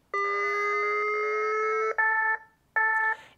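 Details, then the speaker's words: Mindray BeneHeart D3/D6 defibrillator in manual mode charged for cardiac arrest demonstration: steady rising electronic charging tone about two seconds, then two short repeated ready beeps; first energy 200 joules, automatically escalating. "if I was to charge the defibrillator on this occasion I would press charge"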